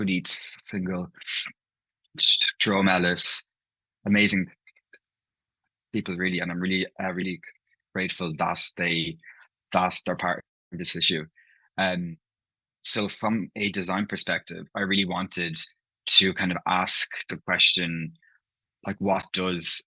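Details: Adult man from Ireland, living in London, who stammers, with part-word and whole-word repetitions heard in his speech; stammering (stuttering).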